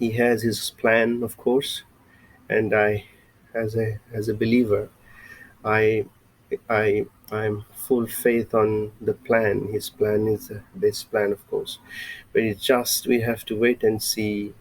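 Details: Adult male with lifelong stuttering, mother, brother and nephew also stammer; a recovering stammerer using breathing techniques from a stammering recovery course and a speech synthesizer for lectures; stuttering.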